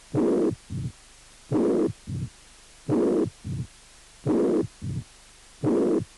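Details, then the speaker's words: Mitral regurgitation: slow regular heart cycles with long pansystolic murmur and short low diastolic rumble. "insuficiencia mitral con soplos punk sistólica y retumbó diastólica"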